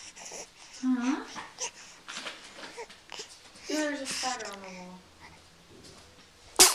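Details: Sneezing, possibly from a young child or pet: whiny vocal sounds followed by a single sharp sneeze burst at the end.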